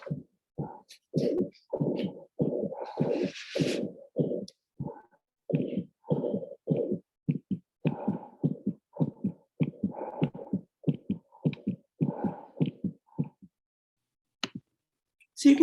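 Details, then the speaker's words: Recorded infant heart murmur played in a neonatal teaching session: a rapid heartbeat with a harsh whooshing sound filling each beat. "so you listen over the period of time but also listening to the characteristic of the murmur so we can listen to that right quickly if it will play foreign"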